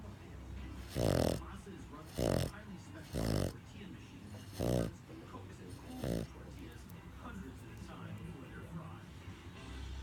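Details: Pug snoring after a hard day at doggy day care: loud, rattling snores from a short-nosed dog, several in a row at irregular gaps, with faint background music.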